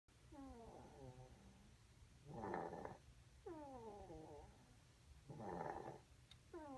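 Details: Cat snoring while asleep: alternating whistling, falling tones and rougher fluttering snores, about 20 breaths a minute; ordinary snoring.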